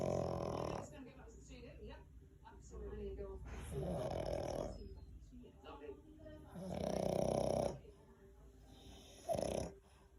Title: Snoring French Bulldog (Snoring Dog) Just like a human!